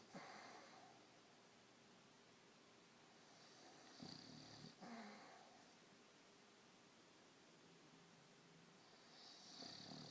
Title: Snoring pup HD